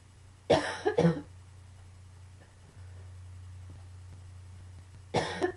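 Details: Coughing fit combined with allergies: two quick harsh coughs, a pause with room hum, then another cough; short coughing bout.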